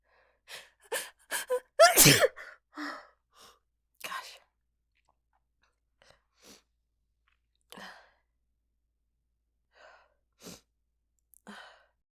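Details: A woman sneezing after a long buildup: several hitching, catchy breaths with voiced false starts and an announced sneeze, then one loud explosive sneeze and a few short breathy sounds afterward.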